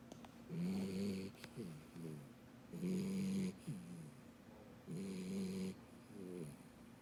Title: Dachshund Beagle Puppy Snoring Loudly - Most Adorable and Cutest thing Ever